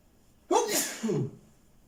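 A single sharp sneeze with a quick breath in and an explosive burst out.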